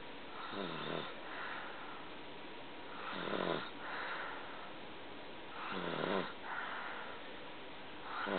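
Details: Person snoring: rhythmic rattling snores on each in-breath, about three in eight seconds, roughly 20 breaths a minute.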